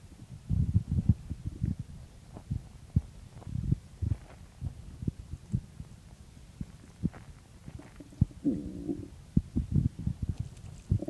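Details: Stomach growling on waking in the morning: low, irregular gurgles and rumbles with brief squeaky bubbling; ordinary bowel sounds (borborygmi).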